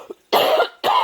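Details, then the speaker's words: Adult woman with diabetes (high readings while sick), about three weeks into a respiratory infection; two harsh, loud coughs in quick succession: cough. "my um diabetes numbers have been pretty high because I've been sick I've had this respiratory infection for about three weeks as well"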